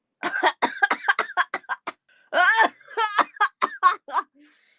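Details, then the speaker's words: Adult woman coughing at her keyboard while talking to camera, described as wet: burst of several quick coughs, pause, then further run of coughs; repeated coughing. "I'm like coughing all over the keyboard that's not good oh yeah that was wet I know right"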